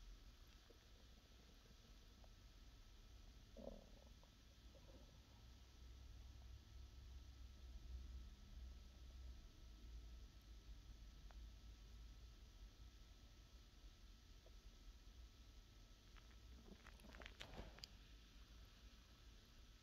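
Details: ASMR recording of a hungry stomach: low continuous rumbling and gurgling with a few squelching bursts, described with hunger pains; normal digestive borborygmi.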